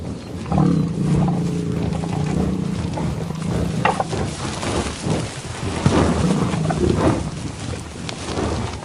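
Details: Snore-like breathing from a water buffalo while eating grass outdoors: deep, rumbling breaths with outdoor background noise.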